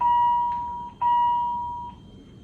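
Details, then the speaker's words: Philips HeartStart defibrillator in monitor mode (heart rate, non-invasive blood pressure, CO2, SpO2, adjustable alarm thresholds): steady high alarm tone sounding twice with a brief gap; monitor alarm. "for all the parameters you have alarm thresholds you always can adjust the alarm threshold from menu"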